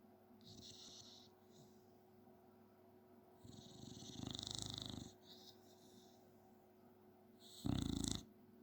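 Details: Nine-year-old female black and white Staffy snoring at sleepy time: soft whistling and rumbling breaths with one louder snort near the end, over quiet room hum.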